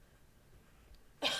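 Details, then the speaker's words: A single abrupt, harsh cough burst, cut off at the end, after near silence. It comes from an adult with bad allergies and a raspy voice. "i have my allergies have been so bad so if i sound a little raspy i do apologize and if i cough every once at all"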